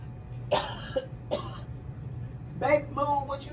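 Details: Adult on a film set, with a cold, laryngitis, lost voice and sore throat, gives several short, harsh, rough-voiced coughs or throat-clearing bursts; cough.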